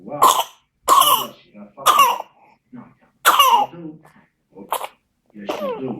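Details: 7-week-old baby with whooping cough: a coughing fit of about six harsh, closely spaced coughs; whooping cough (pertussis).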